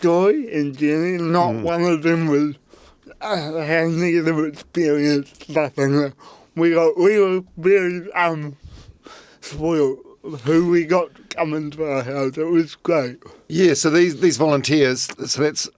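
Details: Adult man with cerebral palsy; his parents were told at birth he would never walk or talk; intensive therapy from birth to age six for walking and talking; used a walking frame at school; dysarthria (cerebral palsy).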